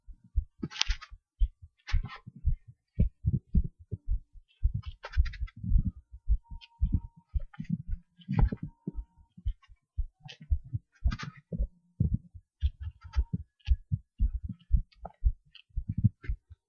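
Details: Short recording of heart sounds: steady, low, dull heart thumps repeating, with occasional faint scratchy noises.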